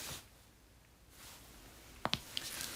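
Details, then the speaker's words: In a quiet room, a quick pair of sharp cracks and a fainter pop sound as someone bends their knees; they say their knees keep making noise. This is knee crepitus, or joint cracking. "무릎에서 소리 계속 나요. Can you hear my knees cracking?"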